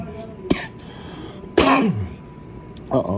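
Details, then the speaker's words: A short cough and throat clearing over faint room noise, from a person who says the cough seems to be coming back; a plain cough. "it sounds like my cough's trying to come back."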